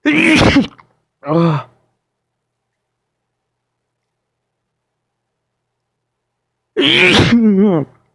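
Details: Two forceful, messy sneezes set off by an irritated nose, each with a sharp inhaled catch and an explosive burst, separated by a long silence.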